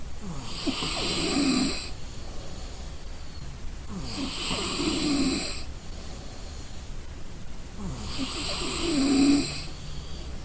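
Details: Exhausted person snoring in sleep: loud, rattling snores about every four seconds, roughly 16 breaths a minute, over a low room hum.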